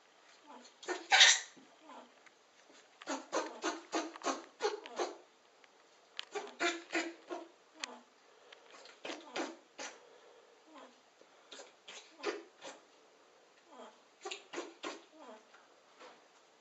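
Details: Sneezing and squeaking; repeated short, sharp sniffing bursts in quick clusters with quiet gaps, fitting a run of small sneezes.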